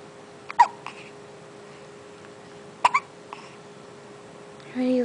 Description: my son at 1 months old having the hiccups so cute.